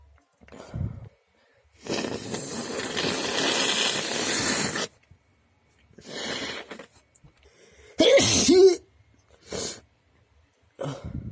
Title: Desperate sneezes (Messy)